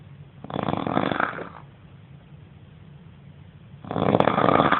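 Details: Roommate snoring loudly: two loud, rattling snores on breathing in, separated by a quiet pause.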